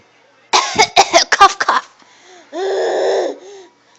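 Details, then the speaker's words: A young child coughing on request with puffs in her mouth: a quick run of about six short, harsh coughs, then a drawn-out voiced sound. "oh it's hard to cough with puffs in your mouth"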